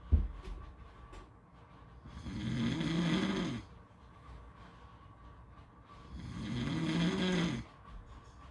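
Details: Heavy snoring: two long, rough, rumbling breaths about four seconds apart with quiet between them, roughly 14 breaths a minute.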